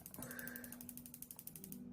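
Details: Quiet, rapid ratchet-like ticking with a faint steady hum from a focused shockwave therapy device (Piezowave) treating wrist and hand pain toward the pinky in a physical therapy session.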